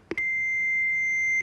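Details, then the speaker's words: Button click then steady high-pitched electronic beep as an AED training unit is switched on (button 1 pressed) and begins voice prompts, demonstrated by an emergency medicine professor in a CPR explainer. "이 기계가 소리가 날 것 제가 무슨 예 눌러 될까요 헬러 보겠습니다"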